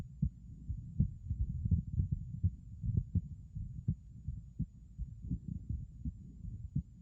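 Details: Low, muffled heartbeats at about 83 per minute heard through a stethoscope; abnormal heart sounds from a bicuspid aortic valve (BAV).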